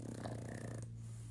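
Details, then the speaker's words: A low, rattling snore, fading after under a second, from a small dog resting in his playpen, heard in the background over a steady low indoor hum. "if you have pretty strong years you can probably hear waffle snoring in the background so let's just do a little waffle break"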